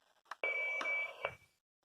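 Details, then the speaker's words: AED power-on tone as an automated external defibrillator is switched on in a training demonstration: a click then a steady high electronic beep under a second, before voice prompts. "what you're going to do is you're going to turn the unit on"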